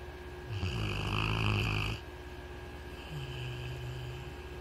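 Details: A loud, rattling low snore on the in-breath, followed by a softer second snore; ordinary snoring.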